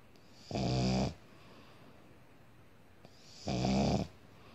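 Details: Sleeping male pug: two loud, rumbling snores about three seconds apart with quiet pauses between; snoring.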